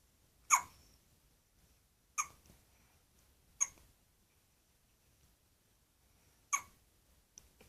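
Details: Hiccups: four or five sharp, brief hiccup sounds at irregular intervals, roughly 19 a minute, in a quiet room.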